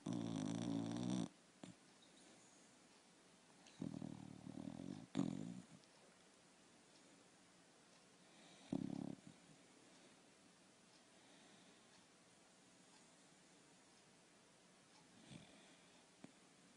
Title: dog snoring in his sleep.... hrrrrrrr